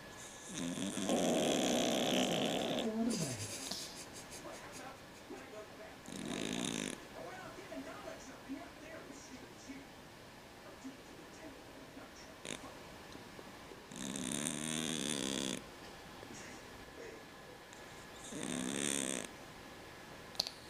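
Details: Loud rasping snores from a sleeping cat, about four breaths in 20 seconds with quieter breathing between.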